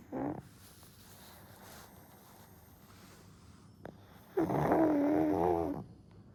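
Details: 1-year-old pug snoring softly during a daytime nap, falling back asleep: a brief snort, then a longer rattling, grunting snore on the in-breath.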